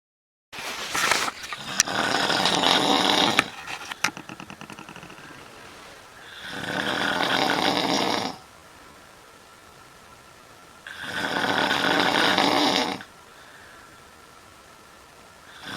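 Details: A person snoring loudly at night in a hotel room in Djerba: rough snores on each in-breath, about two seconds long and a few seconds apart, with quiet gaps between.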